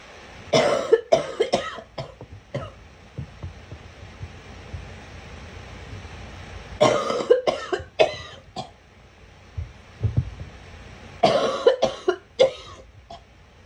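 Three bursts of coughing, each a run of several quick harsh coughs, separated by quiet pauses; a child's repeated cough.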